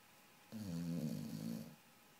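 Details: Single loud, fluttering snore lasting just over a second from a sleeping dog; snoring.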